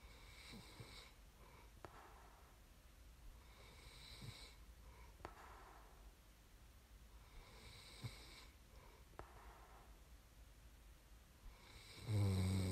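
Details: Slow, regular rasping snores on each breath in, about five per minute, with quiet pauses between; ordinary sleep snoring recorded as snoring ASMR.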